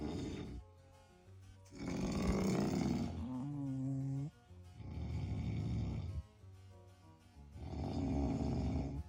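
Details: Two sleepers snoring in turn during a nap, with loud rattling in-breaths and softer out-breaths; one is described as an exceptionally loud snorer. Faint music plays in the background.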